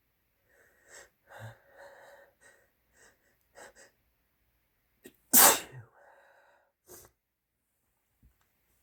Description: a couple older clips strung together. some big buildups and big sneezes